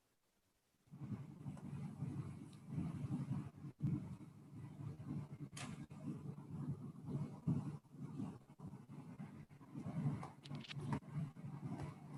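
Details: Normal EMG motor unit potentials with full interference pattern.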